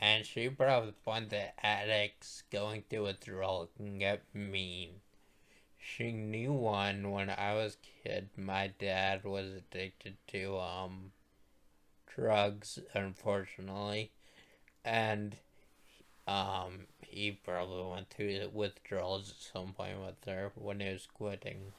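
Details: Male speaker who states his voice sounds this way because he is a stroke survivor; speech impairment after stroke.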